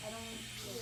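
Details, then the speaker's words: Tracheostomy suctioning demonstrated on a simulator: steady airy suction hiss with low hum as the catheter is withdrawn in a circular, outward motion, after hyperventilation with an Ambu bag. "start suctioning in a circular motion and outwards simultaneously"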